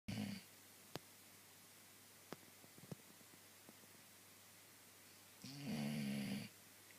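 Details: Dog snoring: a long, low rattling snore at the end and the tail of another at the start, with a quiet room between.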